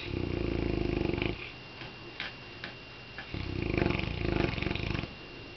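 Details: Saint Bernard dog, asleep and seemingly dreaming: loud, low fluttering rattle on each breath, two long snores separated by quieter breathing; large dog snoring.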